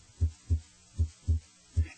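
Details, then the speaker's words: Heart auscultated with a stethoscope starting at the right second intercostal space; regular paired lub-dub sounds at about 78 beats a minute with no extra sounds or murmur: normal S1 and S2 heart sounds. "identify S1 and S 2 and listen for extra heart sounds and murmur"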